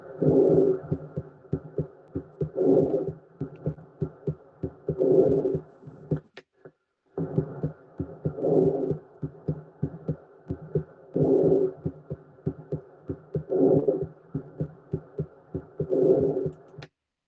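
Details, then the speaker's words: Lung-sound recording played for exam auscultation practice: soft, regular breath sounds with faint heartbeats beneath, normal vesicular breathing rather than rhonchi. "ese ruido, eso lo que pareciese que fuese roncus no es roncus, sino es la respiración, lo que está entrando y saliendo el aire."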